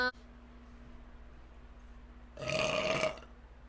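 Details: Female streamer's deliberate burp from a livestream burp compilation: quiet room hum, then a single loud, rough voiced belch lasting under a second.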